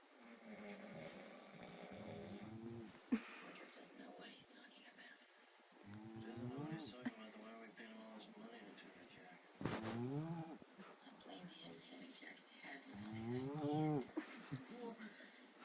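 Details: Sleeper snoring: about four rattling, vibrating snores in fifteen seconds, roughly sixteen a minute, with quiet pauses between them; snoring.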